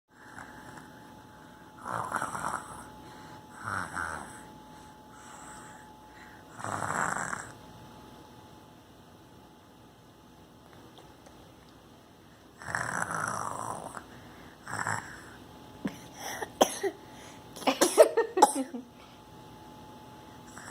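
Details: Simulated snoring: a person imitating their father's snore, with irregular rattling snore-like breaths, snorts and pauses.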